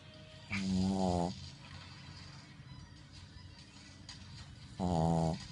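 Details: Shih Tzu dog snoring loudly.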